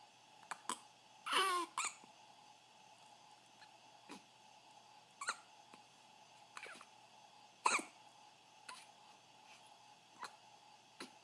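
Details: Hiccups at 2:30 AM: short, sharp, repeated catches at irregular spacing, about eight in eleven seconds, in a quiet room.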